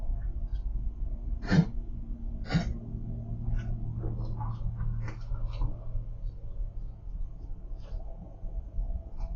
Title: Dog coughing sounds